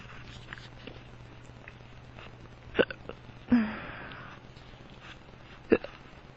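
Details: Powerful hiccups in a drunk man, painful to his tummy: three sharp, abrupt hiccups over about six seconds, one with a short trailing breath, against quiet room hum; he says they sound weird.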